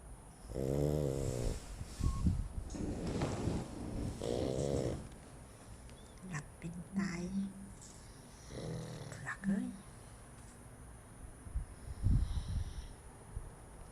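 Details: Dog asleep after a full meal, snoring: loud, rattling snores on each breath with whistling nasal sounds between.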